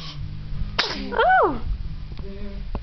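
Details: Child sneezes once during a sung nursery song: a short sudden burst with a brief voiced trailing sound, then quiet room noise.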